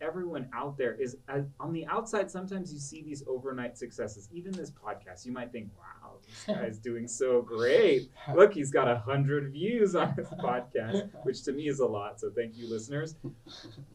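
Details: Adult male speaker; ordinary speech.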